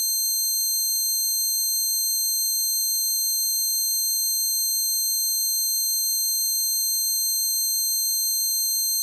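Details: Steady layered high-pitched ringing tones with a faint wavering quality and soft rapid pulsing underneath; a simulation of one person's long-standing tinnitus, which began after standing right by an amp at a concert.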